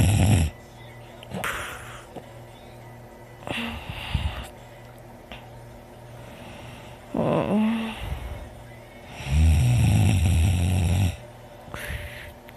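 Loud, deep rattling snores with heavy breaths between them, about five cycles in twelve seconds; loud snoring in sleep.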